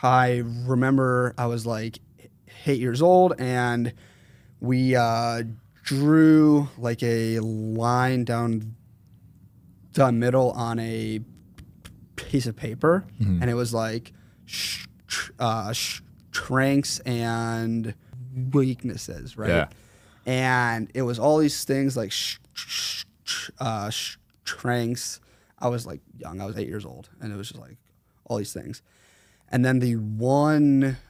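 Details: 21-year-old man with a severe stutter since fourth grade; severity varies and is worse when he consciously processes what he says; stuttering.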